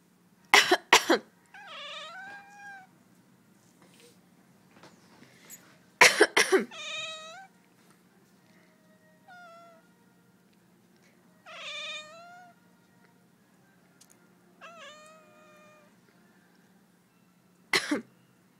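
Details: Adult coughing: three bouts of short, harsh coughs, each followed by a pet cat's drawn-out meows, as the cat dislikes the coughing.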